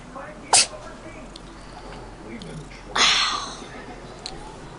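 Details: Cat sneezing: two short, sharp sneezes with faint room noise between them.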